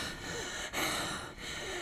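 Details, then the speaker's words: Labored, noisy, rushing breaths with a hissing, gasping quality through a tracheostomy tube with the cuff deflated, in a ventilator-dependent patient with tracheal stenosis and tracheal pain, exhausted after a day out at a doctor visit. "Because as you can see, I can’t breathe very well after going to the doctor. So, this is how I look after a day out."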